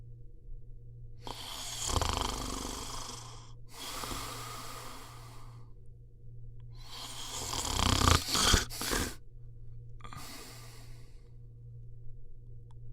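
Four loud, rough snoring breaths over about thirteen seconds, one ending in a sharp snort, over a steady low hum. Snoring during sleep.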